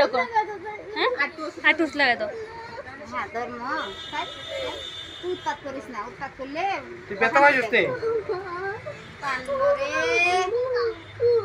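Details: Infant girl crying during ear piercing: high-pitched, wavering crying in short bursts and drawn-out wails, a pain cry.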